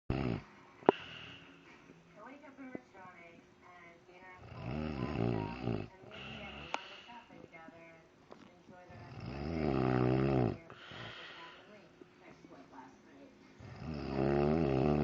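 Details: Adult woman (mother) snoring during sleep: loud, rumbling snores recurring about every four to five seconds, with faint background voices between them.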